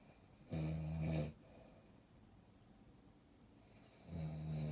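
Two loud, low rumbling snores about three and a half seconds apart, with quiet breathing between them; ordinary snoring.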